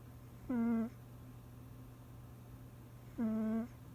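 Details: Two short, tonal, buzzing snores about three seconds apart from a cat fast asleep, over a steady low room hum.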